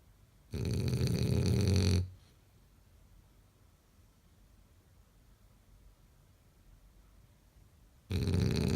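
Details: Loud, coarse snoring from a sleeping French bulldog, with long quiet pauses between breaths.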